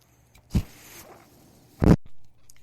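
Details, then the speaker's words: Speaker's own mechanical ventilator audible behind speech, the breathing machine they use while talking on a podcast; mechanical ventilator sound. "my name is brenon l that noise you're hearing is my ventilator"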